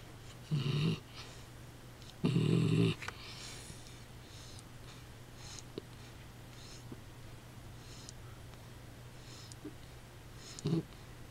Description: Kaiser taking a nap and snoring away